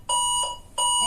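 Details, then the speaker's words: Two loud, steady high-pitched alarm tones from a 400-watt high-frequency electrosurgical unit switched to monopolar mode, showing error code E01 because the patient return plate is not attached to the body. "Let's change to monopol. The equipment is alarming and showing error code E01 on the display"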